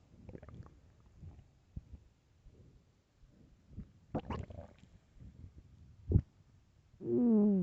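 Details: Loud hungry stomach growling: low gurgles and rumbles ending in a loud drawn-out groaning growl from an empty stomach; normal borborygmi.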